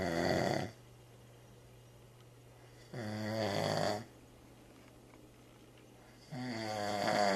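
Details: Loud snoring keeping another person awake: rattling snores in slow cycles, about three in seven seconds, separated by quiet pauses.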